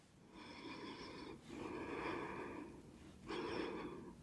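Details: Presenter's snorts during a simulated ASMR medical examination roleplay (lower-limb exam), recorded on a Blue Yeti microphone: three short, forceful nasal bursts of air in a quiet room.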